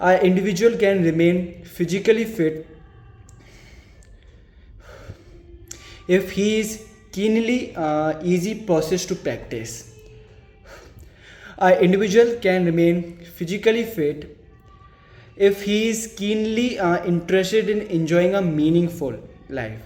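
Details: Man who stammers reading an English passage aloud as his daily stammering-overcoming practice; stuttering.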